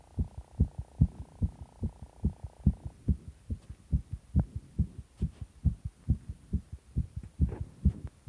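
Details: Strong, regular thumping heartbeat at roughly 140 beats a minute over a low hum; a fast, pounding, rapid heartbeat.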